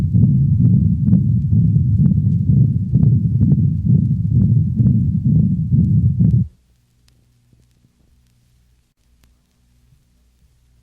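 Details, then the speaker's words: Dog with patent ductus arteriosus, recorded at the cranial thoracic wall: continuous rumbling machinery murmur with no quiet gaps, pulsing about 140 a minute, accentuated in late systole. "listen to the continuous machinery murmur of a patent ductus recorded at the cranial thoracic wall of a dog"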